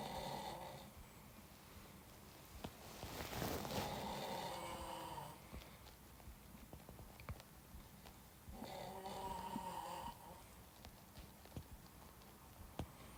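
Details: Loud, rough, rattling snores in a sleeping adult man, with quieter stretches between them and some clicks and room noise.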